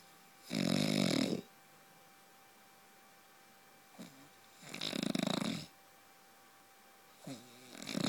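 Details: Adult man (husband) snoring in sleep like a truck: loud rattling snores on each breath in, about every four seconds, with quiet pauses between; heavy snoring that keeps his partner awake.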